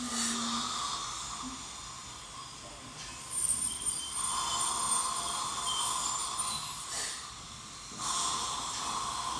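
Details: Dental scaler during one's own teeth cleaning: high, hissing whine starting and stopping in stretches, with water spray and suction noise.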